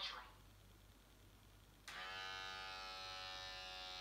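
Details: Talking blood pressure monitor, second attempt after an error; the earlier reading was 171/109 mmHg, heart rate 90, reported as moderate hypertension: quiet room, then a steady motor whine as the pump inflates the cuff.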